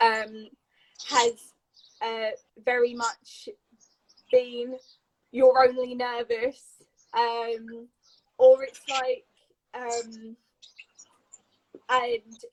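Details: Adult woman with a stammer since age three, described as a neurological speech impediment, with blocks and repetitions; stammering (stuttering).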